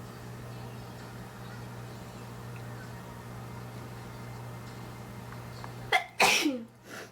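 Quiet room, then a quick indrawn breath and one loud explosive sneeze that trails off. A single induced sneeze.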